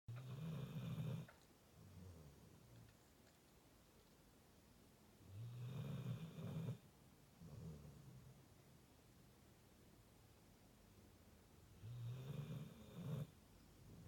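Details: A Rottweiler snoring: three slow, deep rumbling snores on the in-breath with quiet pauses between, in a quiet room.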